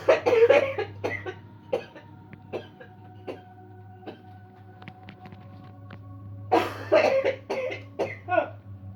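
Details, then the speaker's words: Cough during a no-touch coughing technique demo: bursts of repeated coughing over a steady low hum and faint background music, with a quieter gap between bouts; the person feels more coughs coming. "I feel another cough coming. I can feel it. Uh-oh, I can see more coming."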